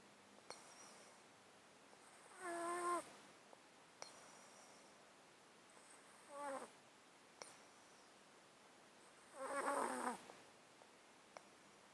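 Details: Cat sleeping in a box, recorded with a close-up mic; an underlying disease of 13 years makes him sound snotty and sneeze constantly. Soft snuffly, wet breaths with three squeaky whistling rattles from the nose; congested breathing.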